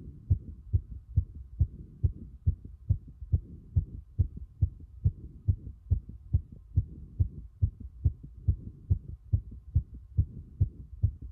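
Fast, regular heart sounds at the apex, about 140 beats a minute: a rapid heart rate (tachycardia).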